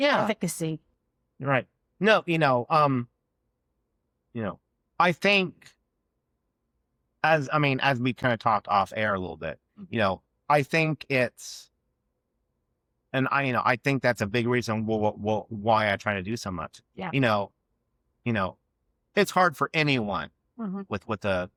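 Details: Adult man who has stuttered since childhood and had years of speech therapy as a child; real, non-acted speech in a conversation showing stuttering.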